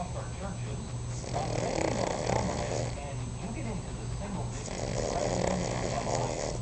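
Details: Cavalier King Charles spaniel snoring in sleep, owner thinks it was dreaming: loud, rough, rattling snores in steady cycles with some room noise; ordinary dog snoring.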